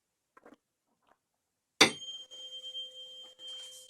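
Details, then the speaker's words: Tuning fork struck and ringing as a steady pure tone during a neurologic exam's Rinne test, comparing bone and air conduction; air conduction exceeded bone conduction, a normal result with no hearing loss after a normal Weber test. "With the Renick test, we're gonna check for bone conduction and air conduction on both"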